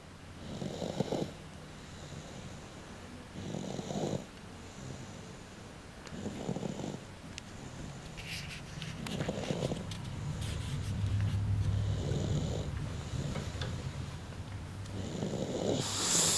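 Regular rattling snores about every two and a half seconds, roughly 24 a minute, with a steady tone in the background; ordinary snoring.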